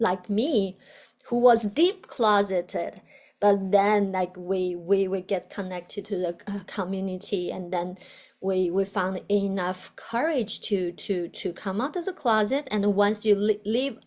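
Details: Adult woman, a doctoral student in communication sciences and disorders, who stutters; stuttering.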